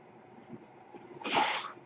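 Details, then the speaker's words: Mechanical ventilator noise from the speaker's own ventilator, heard in the background of his podcast recording. "My name is, that noise you hear is my ventilator."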